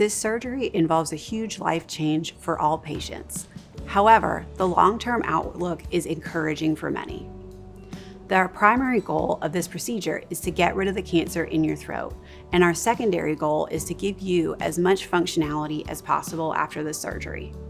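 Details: Adult narrator over background music; typical speaker.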